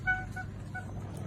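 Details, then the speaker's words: JMS infusion pump air-in-line alarm: short repeating electronic beeps, triggered by even the smallest air in the set tubing, warning the nurse so air does not enter the patient's vein. "زمانی شروع می‌کنه به صدا دادن زمانی که توی مسیر ست تون هوا باشه به کوچک‌ترین هوای حساسه و تشخیص میده و شروع می‌کنه با آلارم دادن که پرستار حواست باشه که هوا وارد رگ مریضت نشه"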